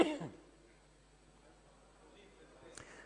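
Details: One short, sharp cough from an adult man, the Italian Prime Minister, speaking unmasked in parliament, followed by quiet room noise.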